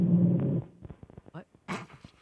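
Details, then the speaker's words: A radio call-in caller who apparently fell asleep on the line makes a brief low, buzzing rumble heard over the telephone, then faint breathy noises and line crackle: possible snore. "All right, let's see if we hear it again. That might have been a snore."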